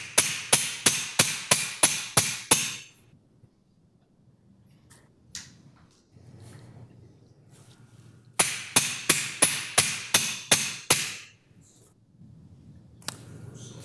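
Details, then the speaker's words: Two runs of sharp, evenly spaced metallic mallet taps, about three a second, driving a joint finder into the sacroiliac joint during posterolateral SI joint fusion with hardware. "like you see the the bigger aperture over here is for the ilium side the shorter one is for the sacrum [Music] side and you basically Mallet it in"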